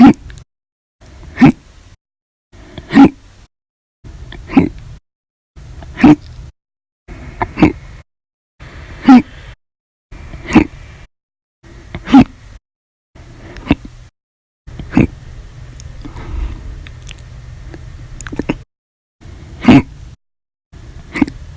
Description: 8/6/19, Violent, Loud, Silent, Minute Hiccups after Breakfast, Lunch, and Dinner Audio Only